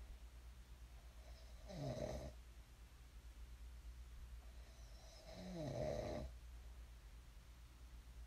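Two soft, rumbling snores on the in-breath, about 15 a minute, over low room hum; ordinary sleep snoring.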